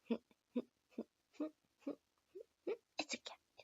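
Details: Uncontrollable vocal tics in an adult woman with self-described seasonal Tourette-like tics, not formally diagnosed, after hours of vocal tics that day that left her barely able to communicate.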